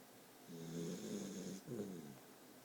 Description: My new dog Bailey snoring in my arms - turn up volume